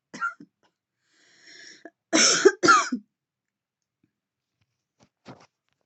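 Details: Adult woman vaping with deep puffs: small cough, an exhale, then two harsh heavy coughs and a faint trailing one; irritant coughing fit from vaping.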